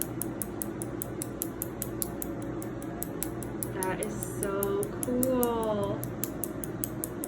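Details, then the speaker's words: Laser tattoo removal on the upper arm at a first treatment session: rapid regular clicking pulses, about 160 a minute, with brief voices and room noise; patient says it feels different from getting the tattoo, not worse. "she's basically erasing it really it's nuts it's a different feeling than getting it but it's not worse"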